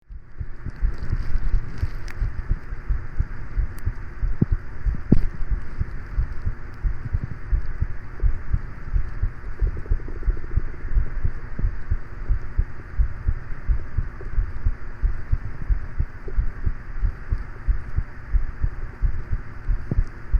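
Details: Heartbeat recording: low, muffled heartbeat thumps repeating steadily under a constant fan hum and scattered handling noises.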